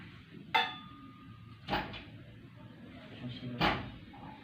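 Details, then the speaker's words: Simulated nursing-student role-play teaching effective cough to a male patient: after deep breaths and a count of three, three short, deliberate controlled coughs with pauses, in a quiet room. "Bapak silakan tarik nafas. Dalam hitungan ketiga, Bapak batuk seperti tenang."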